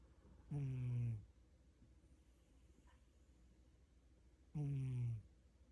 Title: My cat SNORES!!